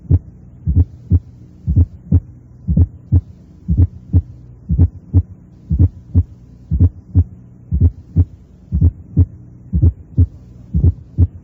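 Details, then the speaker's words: Teaching recording at the cardiac apex: regular heart sounds near 59 a minute with a moderately intense, soft, low-pitched atrial sound just before the first heart sound, an S4 gallop. "Escuchemos los ruidos cardíacos normales a nivel de la punta, con un ruido auricular de intensidad moderada."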